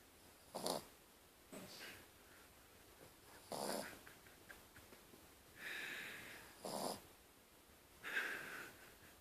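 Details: Dog snoring.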